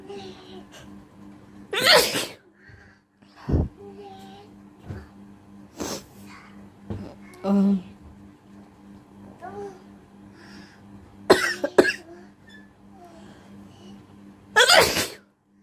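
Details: Sneezing and nose-blowing challenge: several loud, explosive sneezes spaced through the recording, with softer sniffing and nose-blowing sounds between them in a quiet room.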